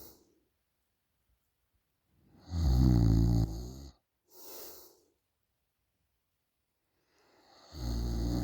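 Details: Girl snoring during a short nap: loud, deep, rumbling snores on inhalation, with a softer breath between and silence in the pauses; ordinary snoring.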